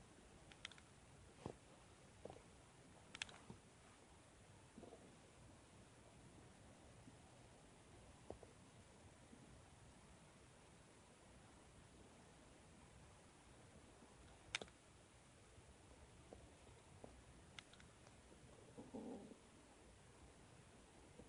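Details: Faint, scattered stomach gurgles and soft clicks in a quiet room after drinking water; ordinary bowel sounds.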